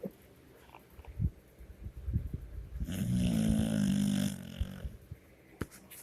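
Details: A three-year-old pit bull snores loudly in sleep: one rumbling snore lasting over a second with softer breathing around it.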